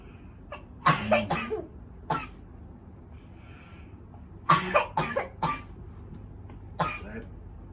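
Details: Persistent cough lasting about a month, heard as three short bouts of two to four harsh coughs each over faint room noise.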